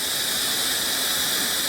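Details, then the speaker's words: Plasma pen spray mode, first pass over a woman's numbed neck removing the superficial skin layer for lax-skin tightening: steady high-pitched hiss without pauses. "And now I'm doing the first step, which is called a spray. So we're going to get rid of that most superficial layer of her skin by doing this all over her neck."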